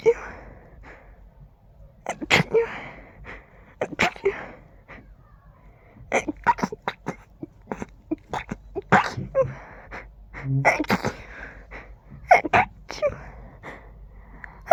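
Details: Allergy flare: a long run of fast, stifled sneezes one after another with quick breaths between, urge to sneeze with every breath; sneezing fit.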